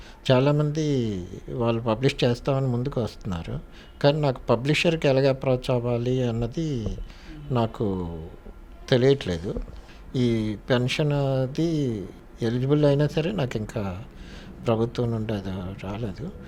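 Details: Dysarthria in a man with motor neurone disease, bedridden about 30 years with only the right hand moving; half his mouth is stiffened, he takes liquid food through a gap between his teeth, and he speaks only with great difficulty.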